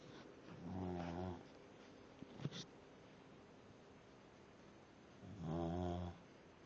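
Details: Dog snoring: two rattling, buzzing snores on the in-breath, about 4 seconds apart, with quiet breathing between them.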